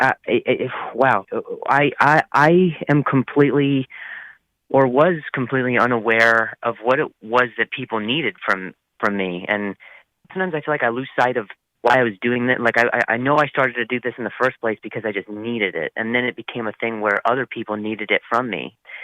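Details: 8-year-old child who stutters, in a speech therapy session; stuttering.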